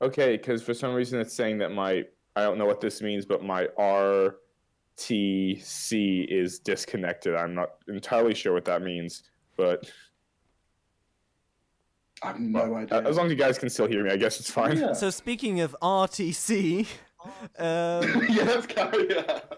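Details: Adult male speaker; Typical speech.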